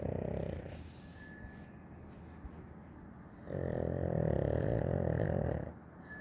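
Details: Loud, rattling snoring breaths with quiet exhalation gaps between them; snoring from a sleeping animal.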